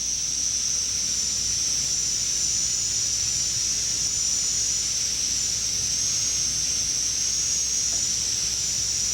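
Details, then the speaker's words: High-speed dental handpiece with a very thin diamond slicing the interproximal area of a maxillary second bicuspid prepared for a porcelain-fused-to-gold veneer: steady, continuous high-pitched whine and hiss of cutting tooth. "so the very thin Diamond will be used to open up that in a proximal area if you're careful you can slice this very easily without cutting the adjacent tooth"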